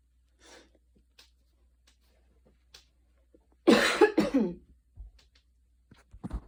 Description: i went on like a super fast run, for like 10 mins, light rain outside, a little cough, enjoyy